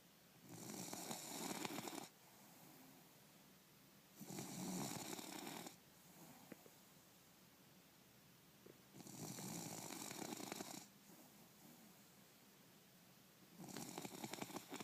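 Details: Sleeping bulldog: regular rasping, snorting snores every four to five seconds, roughly 13 breaths a minute; snoring.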